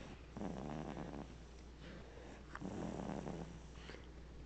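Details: Baby snoring in his sleep, recorded with a Flip Video camcorder: two soft, rattling snores on breaths in, about two seconds apart, over a steady low hum; snoring.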